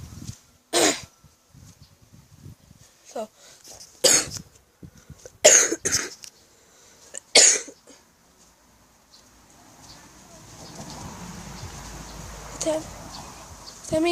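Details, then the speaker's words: Hard cough lasting about 5 weeks, with a feeling of something in the throat; the person suspects a chest infection; cough. "You see my cough? But I have my cough it's like for about 5 weeks. Quite a lot."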